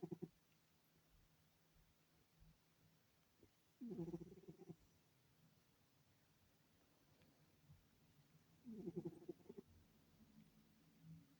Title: He is snoring, baby boy cuteee #beautiful 🙈🐈🐈🐈🥹🥹🥹❤️